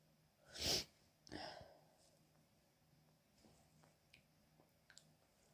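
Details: Woman coming down with a cold: a small, hitchy sneezing fit of two quick sneezes with sharp intakes beforehand, then small sniffs and breaths in a quiet room.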